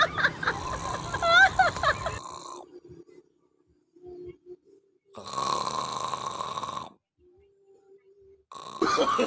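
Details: Sleeping dog snoring.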